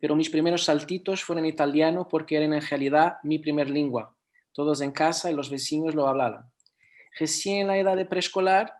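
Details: Adult speaking Spanish; no speech disorder.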